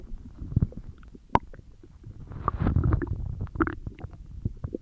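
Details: Stomach growling: irregular gurgles, rumbles and squeaks from the belly, ordinary bowel sounds from gas and fluid moving through the gut.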